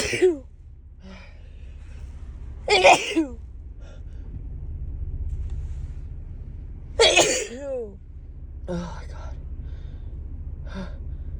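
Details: Several sharp sneezes with brief exclamations between them over low car-engine hum; a woman's bout of repeated allergy sneezing in March, saying the car brings on instant sneezing and her nose won't stop tickling.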